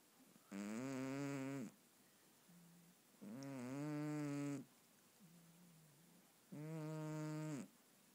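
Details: Cat snoring while sleeping: three long, buzzing snores at about 20 breaths a minute, with softer sounds between them.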